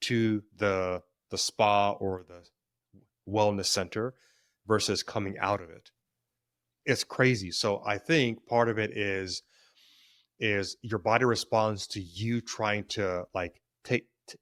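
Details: Stuttering in an adult man, present since childhood; he describes it as situational, worse with stress and before authority figures, and links its triggers to past trauma.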